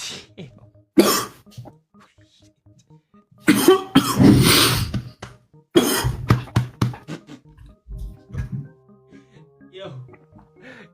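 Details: Repeated harsh cough bursts from an adult in a coughing fit while streaming a game, with music and talk in the background.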